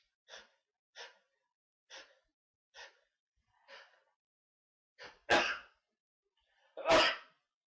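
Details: Six short sharp inward breaths build up, then two loud explosive sneezes in a row.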